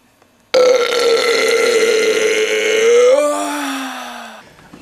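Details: One long, loud, deliberate burp of about four seconds, rising slightly in pitch before fading, after drinking a whole icy-cold Coca-Cola Classic and churning it up; burping continues afterward.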